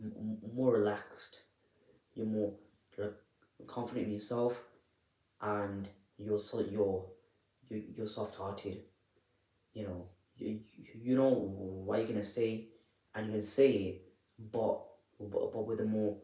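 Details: Adult who stammers, speaking unedited, with audible repetitions of words and syllables; stuttering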